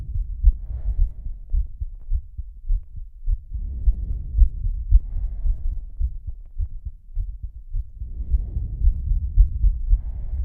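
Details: Female heartbeat described as slow though she is fast; steady muffled heartbeat at about 110 a minute, with slow, heavy breaths audible over it.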